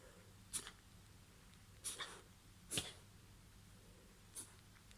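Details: Four short, sharp sneeze-like bursts through the nose at irregular intervals over five seconds from a dog, against quiet room hum; uncertain whether hiccup or cough.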